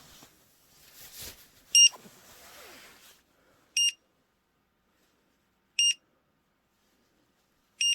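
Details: Short electronic beeps about every two seconds after brief handling noise: a pulse oximeter alarming as oxygen saturation falls below 95% during a home POTS stand test in a tachycardic woman with EDS.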